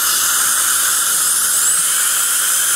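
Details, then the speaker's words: Loud continuous high-pitched whine of high-speed dental handpiece with water spray and diamond bur gently adjusting bite on cemented Empress porcelain restorations; dental handpiece with diamond bur. "these zerat diamonds do a great job it's just so gentle on the Force One these are Empress Restorations and this diamond is being very gentle not generating a lot of heat or micr fractures"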